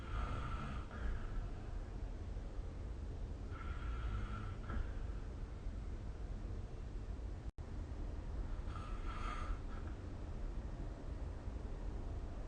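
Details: Soft, rasping snores recurring every few seconds over a steady low background rumble during sleep, recorded with the SnoreLab smartphone app: snoring.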